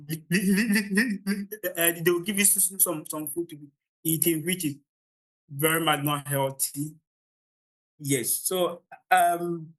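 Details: Adult man from Ghana with real, lifelong stammering, the only one of 16 siblings who stammers; he says the opening of his public talks is usually hardest and fluency improves with momentum and confidence: stuttering.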